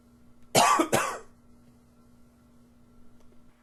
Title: Coughing 28